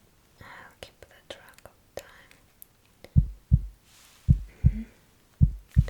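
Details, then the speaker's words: Simulated ASMR cranial nerve exam roleplay in which the pulse is taken at the hand. Normal heartbeat. "Well, start with going to take your pulse."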